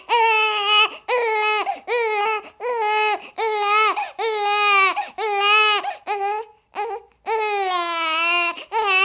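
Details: Infant crying sound effect: repeated loud, high-pitched wails, each about a second long, with brief breaths between.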